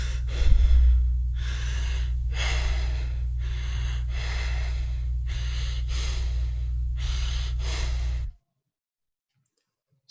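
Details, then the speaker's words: Kussmaul breathing: deep hyperventilation from blood acidosis, e.g. diabetic ketoacidosis, alcohol or salicylate toxicity, seizures or sepsis; audio sample of an abnormal breathing pattern. "so the causes include diabetic ketoacidosis toxic condition of alcohol salicylate seizures or sepsis"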